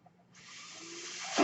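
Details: Mechanical ventilator heard during the user's own speech recording: a soft airy hiss builds over about a second then ends abruptly, one ventilator breath delivered.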